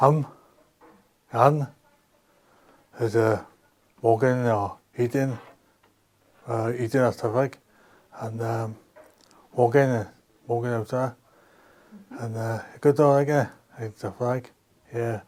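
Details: Man with aphasia after a stroke; aphasia.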